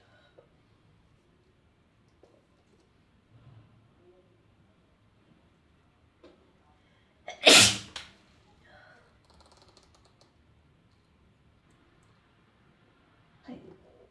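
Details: One loud, sharp single sneeze in a quiet room with faint sniffing around it; speaker mentions a runny nose just after.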